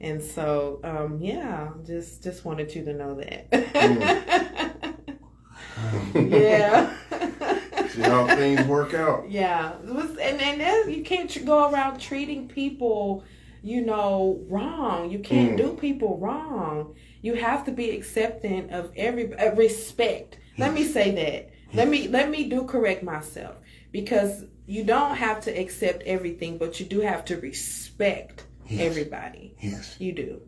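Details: Adult speaker; ordinary speech.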